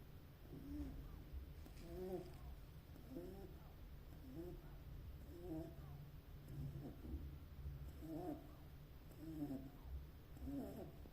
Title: Beagle Puppy Snoring #puppy #beagle #funnyvideo #puppyvlog #beaglepuppy #snoringpuppy #funnypuppy